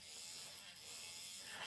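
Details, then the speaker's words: Steady high-pitched surgical drill whine with hiss as the second drill in the series progresses through cortical bone during a simulated zygomatic implant placement. The model is 3D-printed from a patient's DICOM scan. "so this is the second drill in the series as we do our second drill in the series we'll progress through the cortical"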